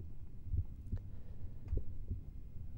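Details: Two clean lub-dub cycles at about 50 a minute, heard with the stethoscope diaphragm at the aortic area (second right intercostal space) during a cardiovascular examination: normal heart sounds.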